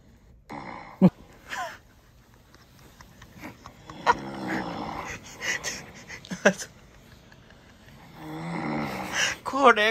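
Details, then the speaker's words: Adult man's snoring recorded by a sleep-tracking app while in deep sleep, loud rough snores about every four seconds, roughly 15 breaths a minute; snoring. "(LOL Ai có nghe thì đó là tiếng ngáy LOL)"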